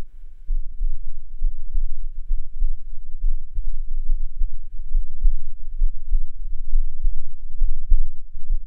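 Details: Own heartbeat recorded with a binaural microphone, earphones recommended, with poor sound quality noted: regular soft low thumps at about 66 beats a minute over a steady hum, an ordinary normal heartbeat.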